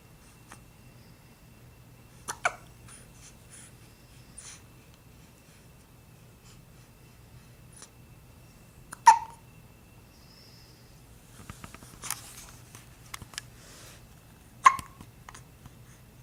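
A few soft, sharp hiccup sounds spaced several seconds apart from a young infant in a quiet room; ordinary infant hiccups.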